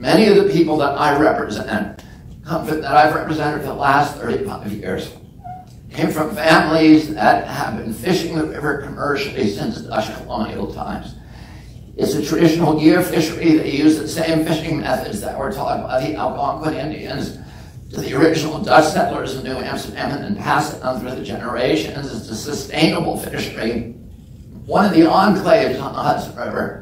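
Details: Adult man with spasmodic dysphonia, which he calls spasmodic dystonia, that makes his voice tremble. Onset at age 42 after a previously strong voice. He says it lessens or goes away after speaking a while and is not painful. Real speech.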